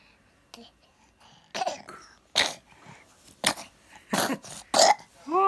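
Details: Several short, wet-sounding coughs and throat-clearing noises from a sick, congested 9-month-old baby with chest congestion and a blocked nose, fitting a chesty cough with a cold.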